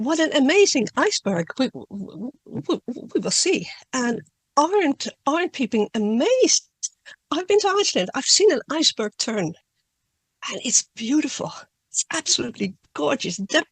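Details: Adult woman who stutters, speaking spontaneously in a Q&A, with audible word repetitions: stuttering.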